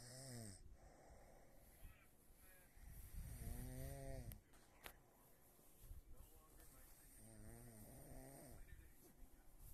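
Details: Woman asleep, snoring increasingly loudly, still snoring after acknowledging a prompt to roll over; occasionally sleepwalks: loud, low rattling snores on each breath, several in the span, over faint room noise.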